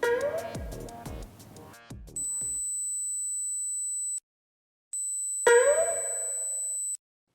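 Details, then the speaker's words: Pure-tone hearing screening test from a segment on sensory checks for dementia: two steady, high-pitched beeps, each about two seconds, after brief chimes; the tones are described as clearly heard. "청각 테스트예요 이거는 뭐 아주 잘 들리고 뭐 들리니까요 굉장히 잘 들리죠 들리시죠"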